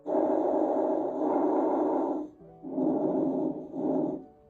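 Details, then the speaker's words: Teaching example of normal lung sounds: soft, rustling breath sounds with a longer inhalation and a shorter exhalation, without crackles or wheeze. "first things first we need something to compare it to so this is your normal"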